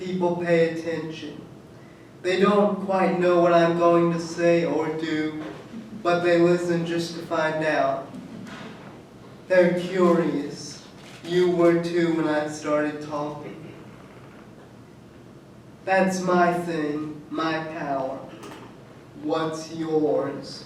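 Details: Adult man who states he has cerebral palsy; dysarthric speech in cerebral palsy.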